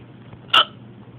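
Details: A single abrupt, high-pitched gulping catch of breath over quiet room noise from a drunk adult: hiccup.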